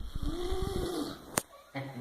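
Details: Drooling sleeper snoring lightly: soft rhythmic fluttering breaths, one with a brief tonal, whistling edge, followed by a click.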